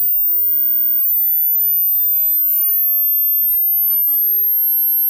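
A steady, very high-pitched pure tone, close to the top of hearing, plays throughout; a simulated hearing-test tone.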